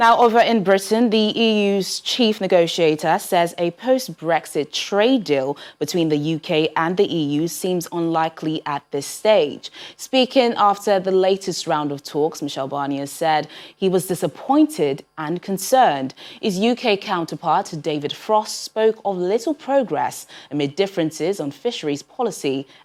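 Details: Adult woman, news reader; normal speech.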